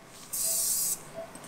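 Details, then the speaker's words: One short hissing spray burst of about half a second as the nose is sprayed during augmentation rhinoplasty under light general anesthesia. The patient has a Southeast Asian nose with a wide round tip, wide alar base and round nostrils. "Now with the COVID, we are doing this light GA. Right, we spray the nose now."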